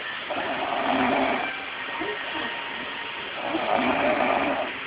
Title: Babygirl snoring! Haha